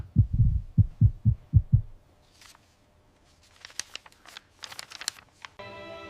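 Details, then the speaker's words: Animated retelling of Laennec's 1816 first stethoscope, a rolled paper tube on a female patient's chest; low, regular thumping heartbeats for about two seconds, then quiet clicks and a brief hum. "It worked. His eyes went wide. The sound was clear. He could hear her heartbeat, clearly, perfectly."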